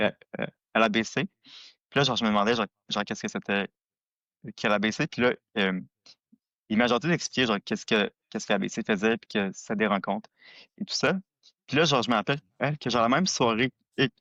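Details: Adult who stutters, a former board member of a stuttering association he contacted in 1995; stuttering.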